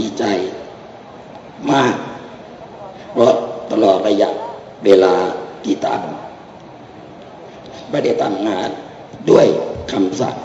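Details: Adult man whose larynx was removed, living 30 years with cancer and teaching laryngectomees to regain voice for 24 years; finding: alaryngeal (esophageal) speech after laryngectomy.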